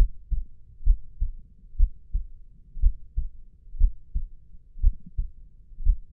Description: What a real heart beat sounds like.